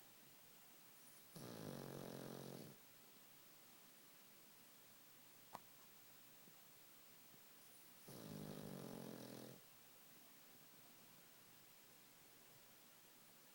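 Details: Two rattling snores about six seconds apart, each over a second long, from a dog sleeping with its eyes open in a quiet room; dog snoring.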